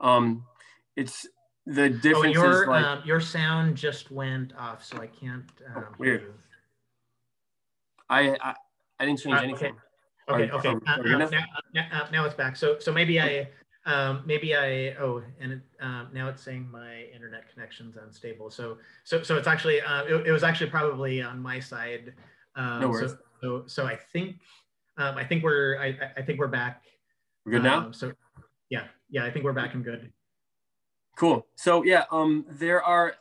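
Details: Cluttering in an adult man who reports having it, with word and phrase repetitions, interjections, revisions and telescoping (dropped sounds and syllables), especially when talking fast.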